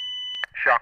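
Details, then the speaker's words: Steady electronic tone from an AED Plus training defibrillator as the shock is delivered after the flashing shock button is pressed, then a spoken device prompt confirming the shock and advising to start CPR. "the ad plus will confirm that a shock has been delivered and then advise you to start performing CPR"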